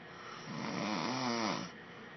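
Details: Man snoring, recorded by his wife: one loud, rumbling, vibrating snore lasting about a second; ordinary snoring.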